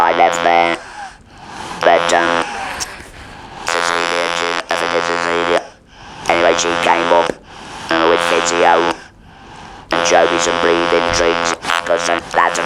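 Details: Electrolarynx speech after total laryngectomy and radiotherapy for laryngeal squamous cell carcinoma in a real adult male patient; the buzzing voice is consistent with an artificial larynx (electrolarynx).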